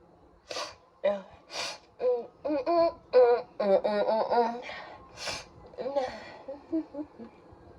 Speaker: I've been sneezing all morning.